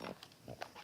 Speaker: Okay, sorry, can you hear Ruben snoring? He's in such a deep, deep puppy sleep. He's such a big baby. And he is snoring so badly.